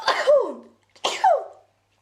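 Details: Two sneezes from a person whose nose is very itchy and irritated for no known reason: two sharp explosive bursts, each trailing into a voiced falling sound.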